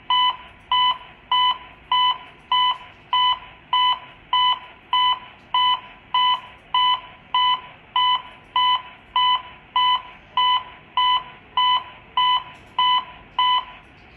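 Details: AED trainer (uDEF T5) during simulated CPR practice after a shock prompt: steady short beeps at about 100 a minute pacing the chest compression rate; CPR metronome prompt.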